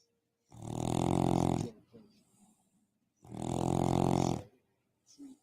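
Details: Pet sleeping on its strawberry blanket snores very loudly, fart-like snores.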